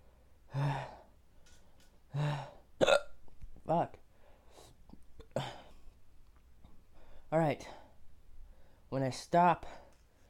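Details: Six sharp, abrupt voiced gulps over ten seconds, each a brief catch of breath, recorded during an RSD awareness challenge in which ghost peppers are mentioned; repeated hiccups.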